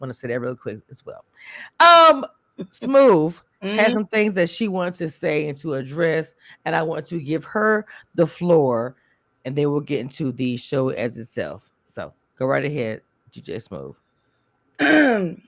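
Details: Adult speaker; normal voice.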